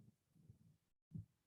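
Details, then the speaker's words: Manual blood pressure measurement, stethoscope over the brachial artery under the cuff, during cuff deflation: soft low thumps as blood resumes flowing, the needle jumping, Korotkoff sounds. "okay she is releasing pressure when the needle starts jumping that's blood going through the artery so"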